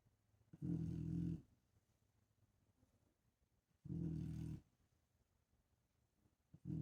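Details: Snoring in a female dog that snores louder than most people: deep, low-pitched, rumbling snores about three seconds apart, like an adult man's, with a third starting at the end.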